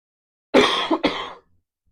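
One short cough runs straight into a throat clear in a quiet room, a brief harmless-sounding clearing of the airway.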